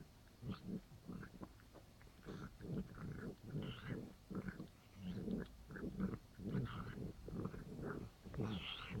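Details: Female cat 5 days after second laryngeal tie-back surgery, grooming herself; fast rhythmic snorting, grunting breaths with rough throaty rattle; noisy obstructed breathing (stertor).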